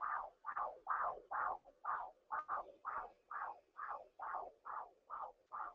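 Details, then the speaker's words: Fetal heartbeat recorded about a week earlier with a home Doppler linked to a phone: rhythmic whooshing pulses at about 133 a minute, within the normal range. "but I recorded the heartbeat um from a week or so ago and I can actually share that with you guys can you hear that"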